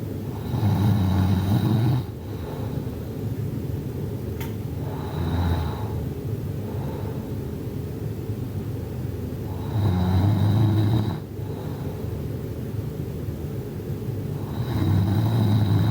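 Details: Loud, deep rumbling snores in slow bursts several seconds apart, measured at 56 decibels, over steady low background noise; listener complains they can't sleep. Snoring.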